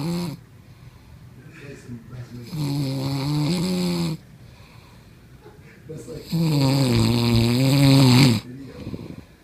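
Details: Adult man asleep at his bachelor party: two long, loud, deep vibrating snores on inhalation with quiet breathing between; heavy snoring.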